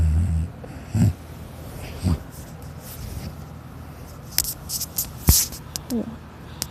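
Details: Child snoring during sleep, filmed by a sister: low, rough breathing sounds recurring about once a second over room noise.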